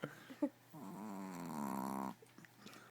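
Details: Dog snoring: a drawn-out, buzzing, throaty breath sound lasting over a second in a quiet room.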